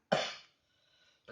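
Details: Single short cough with a faint echo, then a pause, recorded live while a friend with a cough receives hand and arm acupressure massage meant to relieve a phlegmy cough.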